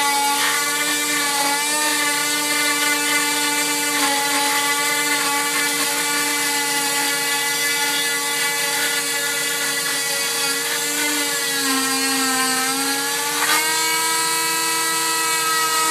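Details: Steady high whining motor with slight pitch dips under load: an oscillating cast saw cutting off a full-leg cast after 6 weeks following patellar tendon reattachment surgery.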